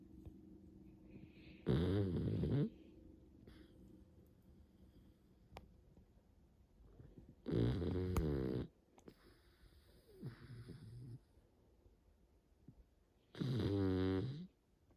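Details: Three rattling snores about six seconds apart with soft breathing in between from a sleeping dog; a dog snoring.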